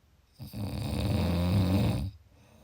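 One long, rough, rattling breath lasting under two seconds, with low fluttering vibration throughout: a snore.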